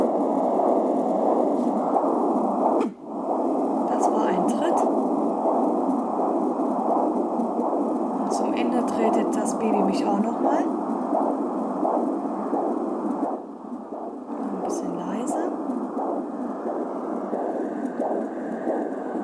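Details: Rapid, quiet pulsing whoosh of umbilical cord blood flow on an AngelSounds handheld fetal Doppler, with thumps from fetal kicks: umbilical cord blood flow on fetal Doppler.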